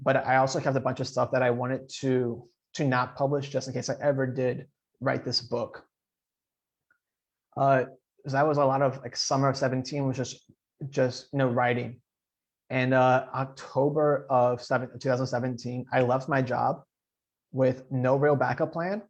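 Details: Adult man who stutters, speaking in a podcast interview, with audible repetitions; stuttering.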